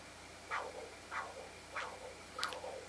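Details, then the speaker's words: Pulsed-wave Doppler audio on a GE Logiq e ultrasound machine after setting the MD cursor and angle in B mode: rhythmic whooshing pulses about every 0.63 seconds, tracking blood flow with each beat. "I'll go back to B mode let my MD cursor get my angle now I'll go into pulse wave Doppler"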